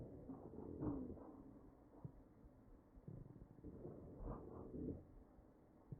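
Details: Real ventilated patient's chest recorded with AccurSound electronic stethoscope: ventilated breath sounds with brief musical, whistling tones on each breath; wheezing.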